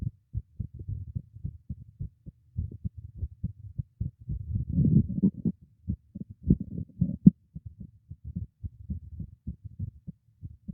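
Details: Own heartbeat recorded with a microphone secured beneath a teacup: soft, muffled, regular low thumps in quick succession, a brief louder rustle midway; ordinary heartbeat.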